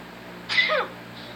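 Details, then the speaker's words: Male sneezing and suspecting he is getting sick: a single short, sharp, hissing stifled sneeze over quiet room hum; sneezing. "Why am I sneezing? I'm getting sick."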